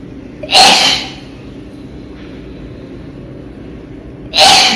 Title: Sneezing And Nose Blowing Challenge Part 18😂😂